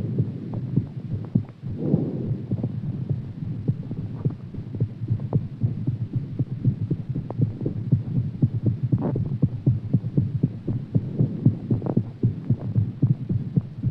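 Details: Heartbeat after exercise: fast, muffled thumping at roughly 118 beats per minute under a steady low hum.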